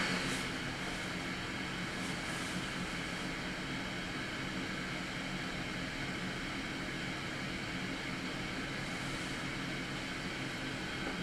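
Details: Steady, fairly quiet airy hum and blowing of an auto CPAP machine running with humidifier and hose attached but no mask, recorded in a noise test measured by a phone app.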